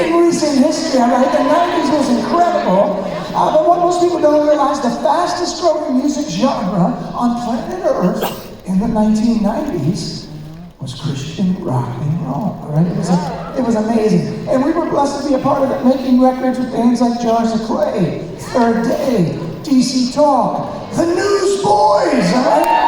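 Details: Male speaker with spasmodic dysphonia, an incurable vocal disorder he developed at the height of his career; vocal coaches and doctors did not help, and it progressively worsened until his voice was gone; he says it is audible now; spasmodic dysphonia.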